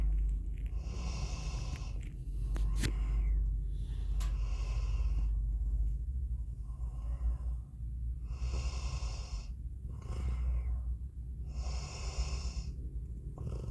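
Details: Sleeping Labrador snoring: repeated rough, nasal breathing noises with a steady low background hum.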